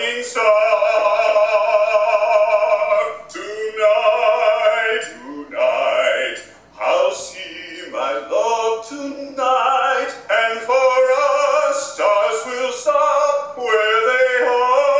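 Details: Singer with adductor spasmodic dysphonia diagnosed April 2010, previously tried Ativan and Botox, singing 16 months into voice rehabilitation with continued improvement; singing voice after rehabilitation for adductor spasmodic dysphonia.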